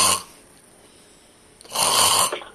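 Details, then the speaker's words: An adult deliberately imitates throat snoring, as opposed to nasal snoring, while describing a strap that keeps the mouth closed: two harsh, rattling throat snorts. "Because there's different type of snoring. So they're snoring like this."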